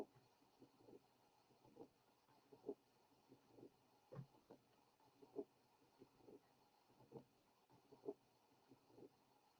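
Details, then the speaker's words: Teaching recording at the left base: regular heart sounds near 65 a minute with a steady murmur running between beats. Typical continuous murmur of patent ductus arteriosus. "Now, listen to the typical murmur of patent ductus arteriosus, recorded at base left."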